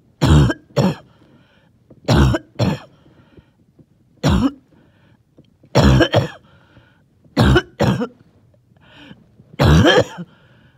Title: Wheezy, Phlegmy cough